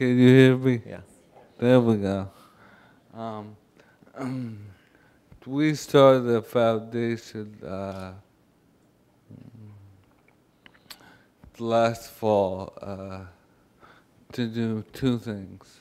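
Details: Adult man, former NFL player with ALS, a terminal illness, speaking on a 2012 panel; dysarthria (ALS).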